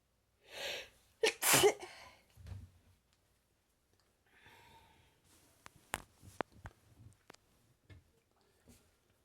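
A quick sharp sneeze followed by sniffing and breathy noises in a quiet room; an allergic sneezing bout.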